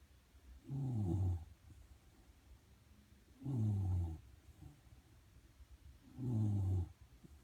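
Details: Shiba Inu dog sleeping under a desk: low, rumbling snores with each breath in, about 22 a minute, separated by quiet pauses; ordinary snoring.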